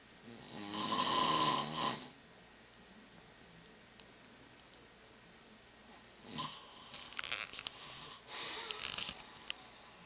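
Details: Adult man (father) snoring very loudly: a loud, harsh snore at the start, then quiet room with a few clicks and later softer noisy breaths; snoring.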